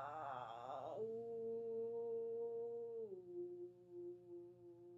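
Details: Deliberate demonstration of the full vocal fry to modal technique: fry 'ah', up to modal 'oo', then down as low as possible without fry, a technique for vocal fold mass; vocal fry to modal voice transition.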